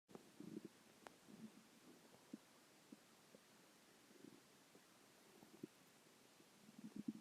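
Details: Faint, scattered gurgles and soft rumbles over a quiet hiss; normal stomach growling (borborygmi).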